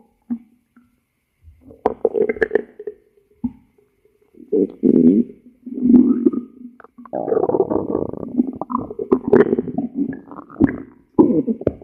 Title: stomach growling